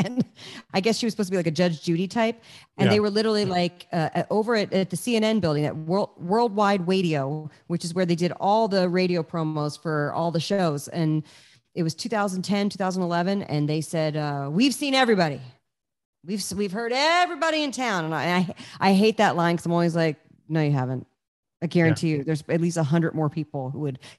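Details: Adult speaker; normal conversational speech.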